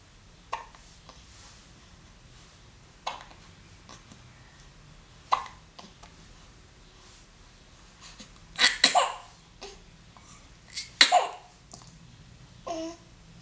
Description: lies calmly on his play mat, is overcome by a sneeze, and then resumes gazing around.